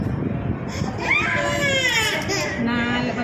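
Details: Baby girl crying during a health care procedure in a lab; rising, strained wails with brief gasps between, adult murmuring and offering chocolate nearby.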